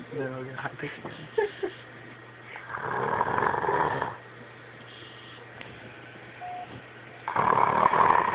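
After a brief human voice, two long, rough, noisy breath sounds come several seconds apart from a sleeping pet: snoring, in a quiet room.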